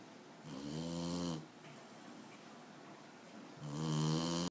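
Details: Puppy crammed in a cardboard box, snoring in sleep: two drawn-out, buzzing snores on the in-breath with a quiet pause between them.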